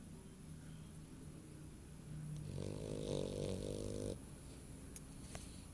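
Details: Sleeping female dog snoring with her eyes open, later woken with bloodshot eyes; rumbling, raspy, vibrating snore rising to a louder snorting stretch before settling, in a quiet room; snoring.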